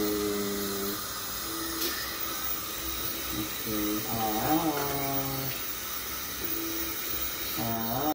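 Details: Dental check-up with a patient whose tooth hurts: a dental drill's high whining tones rise and fall in pitch as it speeds up and slows, with suction, room noise and faint voices.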